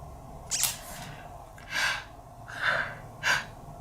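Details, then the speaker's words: Members of a K-pop group sneezing: four sharp, hissy bursts in quick succession with quick breaths between; a short run of sneezes. "멤버들이 재치기 할 때 되게 특이하게 해요. 약간 다양한 뭐뭐? 완전 시원하게 하는 거."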